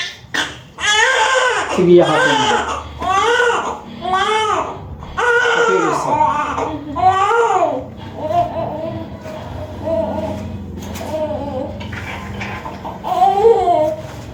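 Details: Newborn baby boy just after normal vaginal birth at 6:23 pm: loud, strong crying in repeated bursts; a vigorous, normal newborn cry.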